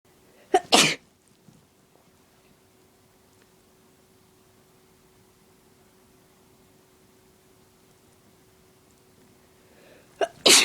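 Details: Two forceful, wet-sounding sneezes, one near the start and a stronger one at the end, separated by a quiet stretch, from a slim woman with deliberately induced allergies, sneezes growing stronger and messy; allergy sneezing.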